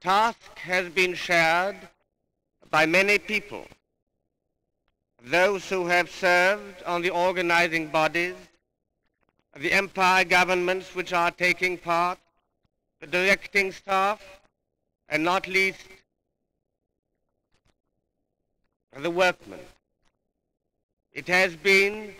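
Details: A king, who stuttered from a young age and had speech therapy, giving a public speech in 1938; stuttering.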